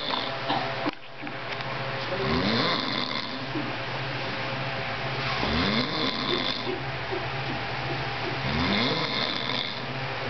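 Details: Loud rattling snores about every three seconds, roughly 20 a minute, in a noisy room, after eating and drinking too much on Thanksgiving; snoring.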